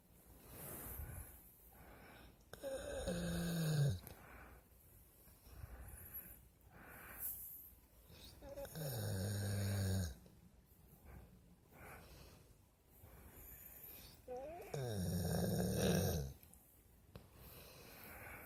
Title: Our dog snore lol